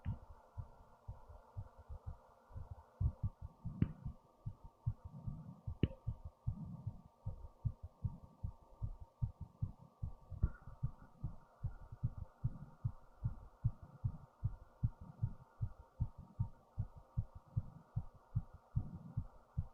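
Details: Own fast, fairly regular low-thumping heartbeat over a steady background hum, recorded via a new headphone speaker; heart racing after standing up, with fast breathing: fast heartbeat.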